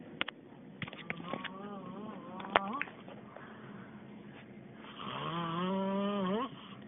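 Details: Loud, rattling, voiced snoring sounds, some long and rising at the end, with a few sharp clicks: snoring.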